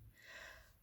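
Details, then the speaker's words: Vocal imitation of a wheeze: a brief, breathy, musical whistle on breathing, demonstrating what to listen for through a stethoscope diaphragm placed on the chest; unlike normal wind-like breath sounds. "so if you hear that that's not the just wind and air moving by that's a whistling sound"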